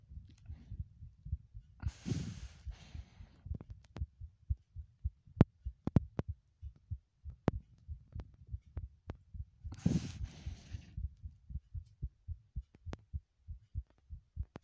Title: heartbeat sounds (remake)